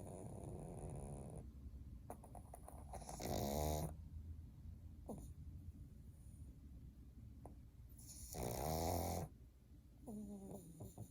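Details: Sleeping pug snoring: rough, rattling snores roughly every five seconds, with softer snuffling breaths between.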